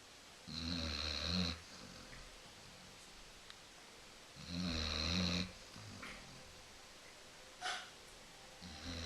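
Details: Female Basset hound asleep on a couch: low, rumbling snores with a whistling edge, about 15 per minute, quieter breaths between; snoring during sleep.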